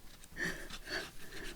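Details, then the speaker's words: A resting pet dog asleep in a quiet room makes soft, rhythmic, rough breathing noises: snoring. "oh yes that's lovely and then we can put the glue on the edge pieces if you can hear that noise it's bobby's snoring"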